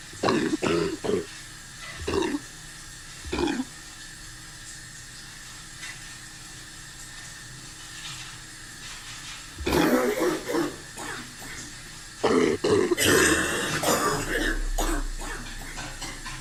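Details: Adult giving several short, harsh cough bursts, singly and in clusters, over household cleaning and rustling noise; cough.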